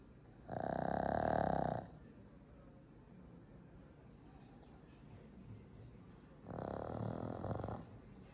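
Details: Pugs snoring: Franky Franks exhausted while Tony snores in the background; two long, loud, rattling snores about five seconds apart, with quiet breathing between.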